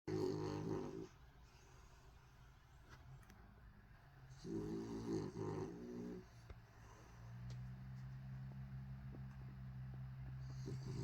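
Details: Snoring recorded while someone tries to work: low, rattling snores repeating irregularly against a steady background hum.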